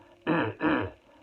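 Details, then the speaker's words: Two deliberate, drawn-out gargly throat clears, demonstrated on purpose as a daily practice technique for signalling and clearing phlegm from the lungs; throat clearing. "And all I can suggest is, without full demonstration, is that you clear your throat. A gargly clear, so it's a bit continuous, like"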